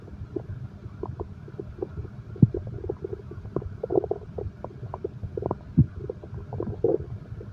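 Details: Stomach growl paired with heartbeat sound for insomnia relaxation: steady bubbling and gurgling over a low rumble with two deeper thumps; active bowel sounds, ordinary stomach growling.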